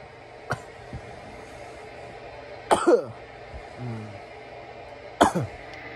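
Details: Irritant coughing after inhaling bong smoke: three sharp harsh cough bursts over six seconds, one a quick double, in a quiet room.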